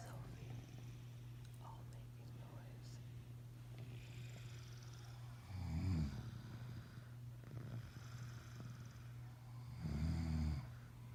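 Two low, rattling snores about four seconds apart over a steady low hum.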